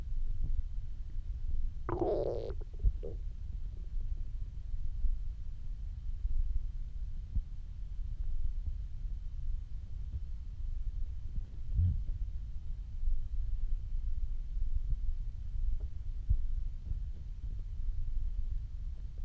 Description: Hadn’t eaten for almost 24 hours at the time of recording